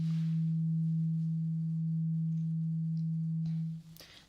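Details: Steady low pure hum of a struck tuning fork, fading near the end, during a simulated ASMR doctor-exam role-play.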